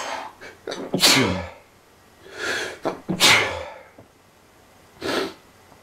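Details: Several loud sneezes close together, each a sharp explosive burst, some preceded by a drawn-in breath; a sneezing fit attributed to allergies.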